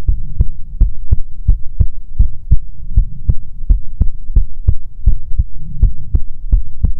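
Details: Regular, steady low thumps at about 160 a minute over a soft hum, no added sounds evident, in an ASMR heartbeat recording meant to be soothing; normal heartbeat.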